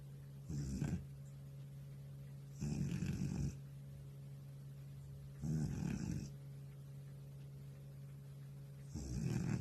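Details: Old male cat snoring in unusually deep sleep: soft, rough snoring breaths every few seconds over a steady low room hum.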